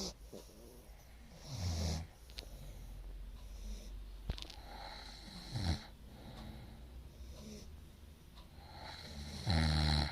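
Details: Loud snoring, either a puppy/dog or a woman: deep, rattling snores with some whistling in between, against room noise; heavy snoring.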